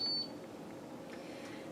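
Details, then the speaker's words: Kangaroo enteral feeding pump switched on with its single power button after loading the set: one brief high electronic beep followed by quiet room hum; feeding pump power-on beep. "to turn it on I have one power button so I can go ahead and click it and it'll load up"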